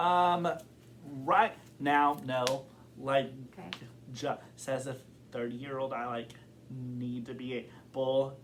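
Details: Adult man who has stuttered since kindergarten, reporting blocks and varying severity; stuttering.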